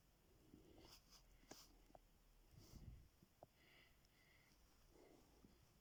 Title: snoring bogoos